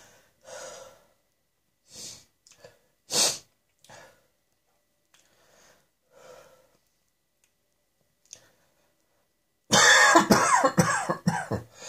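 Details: Harsh, dry coughing: several short bursts with quiet gaps, ending in a louder, rougher run of coughs.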